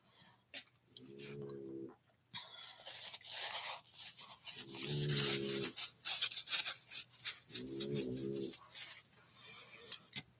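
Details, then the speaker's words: A dog snores in the background during a crafting session: three soft, low, buzzing snores about three seconds apart, mixed with quiet rustling and crafting noise. Snoring. "I'm getting my dog snoring in the background"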